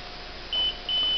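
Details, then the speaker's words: Hospira Gemstar infusion pump during preventive maintenance, in the proximal occlusion test with the line clamped above the pump: two high-pitched beeps signalling an upstream occlusion was detected, test passed. "And there's the proximal occlusion detected, test passed."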